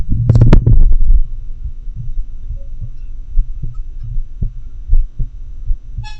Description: Auscultation of heart sounds in atrial fibrillation recorded using a homemade technique with a customized funnel-microphone setup.